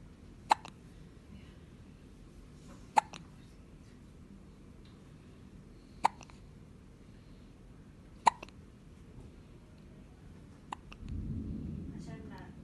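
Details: A newborn baby with hiccups: about five sharp, brief hiccup sounds over twelve seconds, irregularly spaced, in a quiet room.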